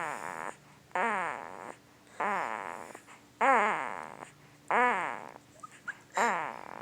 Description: Our 2 week old newborn son was hard asleep & began making the cutest lil sounds, so we whipped out the camera & hit record, while trying not to LOL😆OMGGGGG